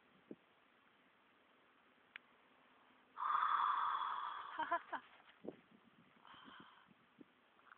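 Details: Horse that was sitting up, then collapsed into deep sleep and snored loudly for about 5 minutes: a long, forceful nasal blow followed by short fluttering snorts, faint outdoor background; snorting.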